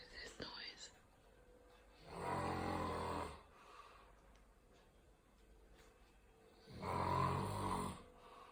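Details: Two long, low, rumbling snoring breaths about five seconds apart over quiet room noise; snoring.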